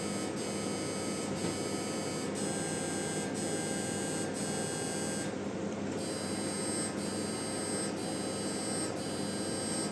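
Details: MRI scanner running a knee localizer scan: steady electronic hum and buzzing with regular beeps about once a second and a brief break; the localizer was repeated for a clearer image.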